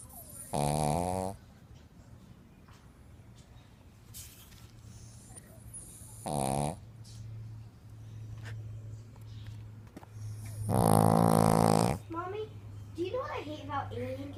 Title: Snoring dog